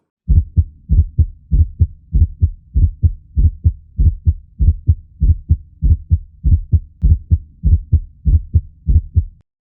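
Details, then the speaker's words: Sound representation of an atrial gallop: a fast heart rhythm with an extra fourth heart sound (S4) before the first beat, giving an atrial gallop cadence. "Vamos então que escutar uma representação sonora de todos esses ritmos e agora então vamos colocar os fones de ouvido para gente auscultar o ritmo de galope a Trial"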